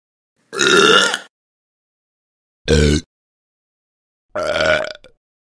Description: This is the sound of a person burping.